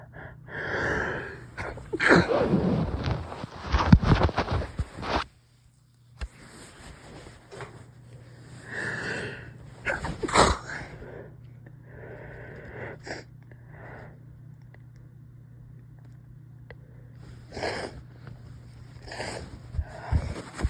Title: inducing some sneezes, stifles